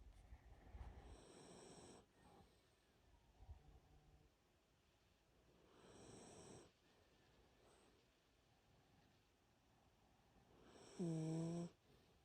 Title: Dog snoring with eyes open 👀